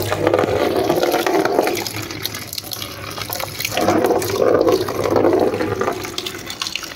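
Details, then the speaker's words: Pericardiocentesis with trocar and cannula in a 6-year-old cow with traumatic pericarditis, after rumenotomy 15 days earlier: steady splashing, gushing flow of foamy, smelly pericardial fluid draining through the cannula. "now you could see the flow of the this pericardial [Music] flue now you could see there is a foam also smell so this is how we can drain"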